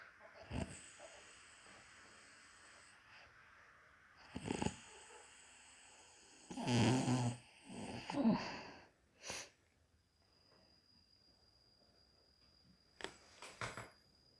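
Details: Mother napping in the daytime: irregular rough, low snores and snorting breaths with quiet gaps between them; snoring during daytime sleep.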